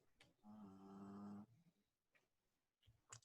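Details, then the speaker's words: Dog snoring, heard over an owner's microphone during a live radio show: one steady, buzzing one-second snore, fairly distant in a small room, followed by faint breathy noises and clicks. "do you hear that oh you're hearing my dog snore is that what that is oh yeah that's what that is"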